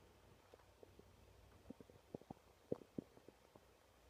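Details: Soft irregular gurgles and pops from the belly: ordinary bowel sounds of stomach growling.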